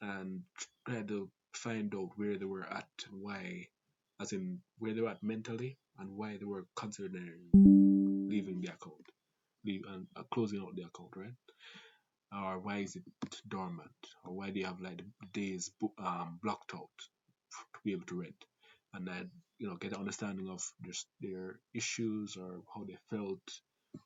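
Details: Adult Jamaican man with a family-inherited stutter (grandfather, father, siblings), who also reports talking fast and avoiding long multisyllable words; stuttering.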